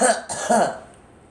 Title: Girl coughing